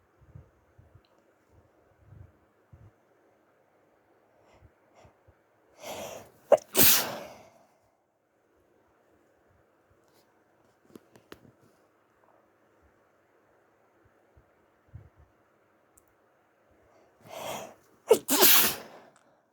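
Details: Sneezing at the tail end of a flu, late at night, trying to be quiet: two stifled sneezes about ten seconds apart, each a short breath-in then a burst.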